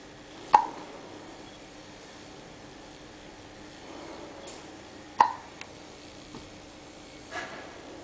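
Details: 7-week-old infant with hiccups: two sharp, brief hiccups about five seconds apart, with softer noises between, in a quiet room; normal infant hiccups.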